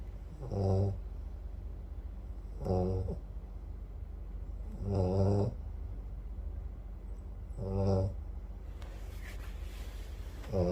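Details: Deep, rumbling snores on each breath in, about five in ten seconds, with quiet gaps between, from an American bully (exotic bully) dog in deep sleep; snoring.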